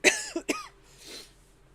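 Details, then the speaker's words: A quick run of two or three coughs, then a breathy exhale, from a sick adult livestream host who has been talking a lot and says they feel progressively worse. "I've been talking so much and I'm sick. Sorry guys. Um, I feel like I'm just getting progressively worse as I go on into the news."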